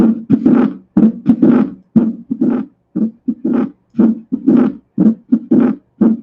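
A regular heart rhythm at about 60 beats a minute, each beat followed by a loud, harsh, buzzing murmur filling diastole. This is a Graham Steell murmur: pulmonary valve regurgitation from pulmonary hypertension, best heard at the pulmonary area.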